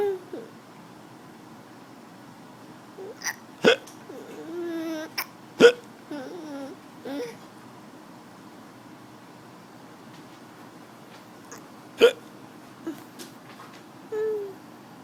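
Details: Child with hiccups, trading them back and forth with father: about four short, sharp, irregular hiccups over fifteen seconds, with soft babbling in a quiet room.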